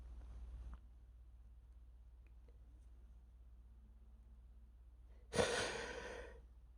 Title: Allergy sneezing (m)